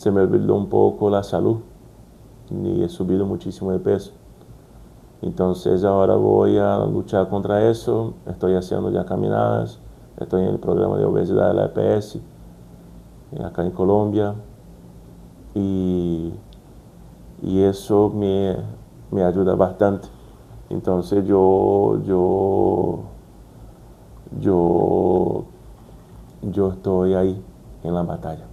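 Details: Brazilian adult man with stuttering since childhood, working to overcome it, speaking Spanish as a second language, with word repetitions; stuttering.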